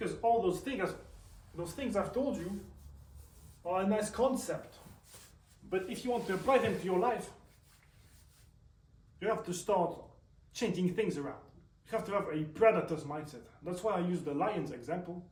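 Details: Male with self-reported stutter, also reports tics; stuttering.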